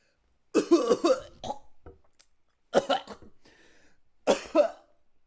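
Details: A person coughing during a live stream: a quick run of several harsh coughs, then two more separate cough bursts after short pauses.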